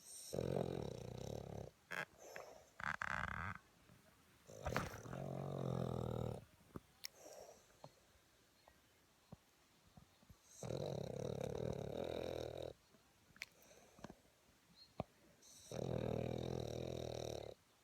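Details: Male Boston terrier sleeping: loud, rumbling snores in long drawn-out bursts with quiet gaps between breaths; snoring.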